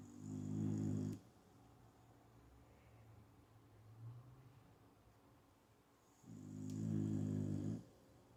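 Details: Sleeping dog snoring: two loud rumbling snores about five seconds apart separated by quieter breathing, about 11 breaths a minute.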